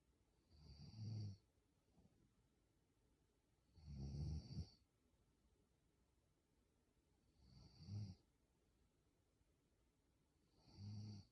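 Four low rattling snores spaced about three seconds apart, roughly 20 a minute, with quiet gaps between. Ordinary snoring.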